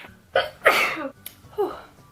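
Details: Young woman with suspected hay fever or allergies: a quick intake of breath and a sharp, voiced sneeze, followed by a short vocal sound.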